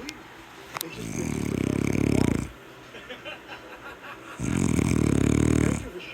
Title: The Snoring Monster